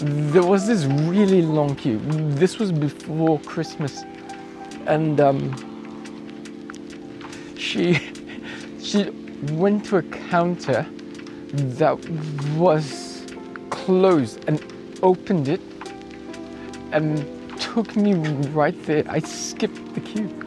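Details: Adult male cyclist with acquired apraxia of speech that began a few days after a bike crash with head impact and loss of consciousness, about 2 weeks earlier; worse a week before and improving; acquired apraxia of speech.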